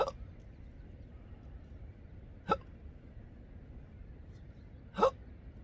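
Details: Intractable hiccups present since December 2015, with burps, choking spasms and developing achalasia: three abrupt hiccups about 2.5 seconds apart (roughly 24 a minute), recorded outdoors on a coastline at sunrise over faint background noise.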